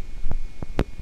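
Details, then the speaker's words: Positive sharp waves on needle EMG of a resting muscle, heard as dull, low thumping pops over a quiet hiss; abnormal, since resting muscle should be electrically silent. "our positive sharp waves this is not normal the muscle should have completely quiet rest membrane potential"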